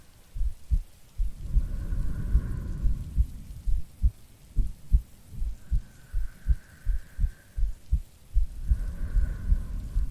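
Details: Soft low heartbeat thumps, roughly 76 a minute, under steady rain with breathing and rumbling thunder, a woman's heartbeat in a no-talking ASMR sleep-aid recording.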